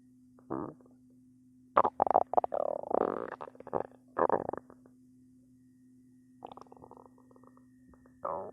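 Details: Person's belly growling a lot, nonstop: bursts of squeaky, gurgling and creaking rumbles over a steady hum; stomach growling, ordinary bowel sounds, borborygmi.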